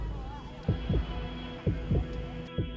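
Regular paired low thumps, lub-dub, about 60 beats a minute, over a soft background hum.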